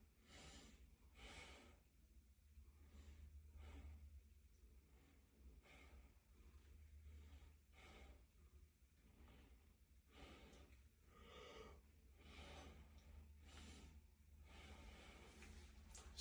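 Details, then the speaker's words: Soft, regular breath sounds through a stethoscope during an adult head-to-toe nursing exam, five-point Z-track sequence, good bilateral air entry, no crackles, wheeze or stridor: normal breath sounds. "So during oscultation I noticed that there's a good air entry bilaterally. There are no advertising there is no crackles and there is absence of any stridal."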